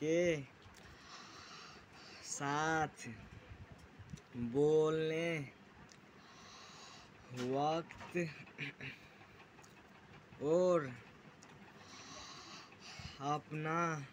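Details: Stuttering (stammering) in a 16-year-old boy in 9th class who describes his own stammering problem and works on techniques to overcome it; speaking very slowly, word by word, with long pauses between words.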